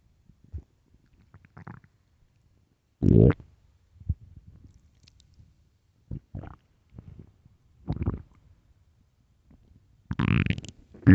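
Scattered low gurgles and rumbles with quiet gaps between them; ordinary stomach growling.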